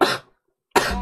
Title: Girl Coughing 317